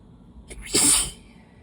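A quick intake of breath, then a single forceful, hissy sneeze; allergy sneeze.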